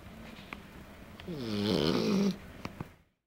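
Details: Dog: one loud, rattling, rising inspiratory breath with a buzzing tone over quiet room noise: snoring.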